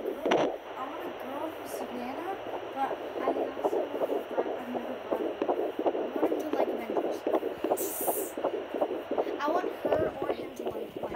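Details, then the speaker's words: Rapid whooshing pulses on a Doppler over a steady hum, about 160 a minute: fetal heartbeat at 12 weeks 5 days of pregnancy, noticeably faster than the mother's heartbeat. "Alright, now listen, you want to hear the difference? Listen, this is baby's heartbeat. See how it's faster?"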